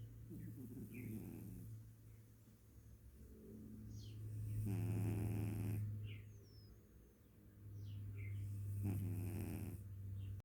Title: snoring